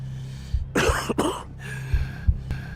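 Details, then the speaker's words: Two or three harsh, rough coughs in quick succession over soft background music; a smoker's cough, presented as a warning sign of smoking damage. "seorang perokok tidak hanya menandakan rusaknya paru-paru. Batuk seorang perokok adalah tanda rusaknya seluruh tubuh."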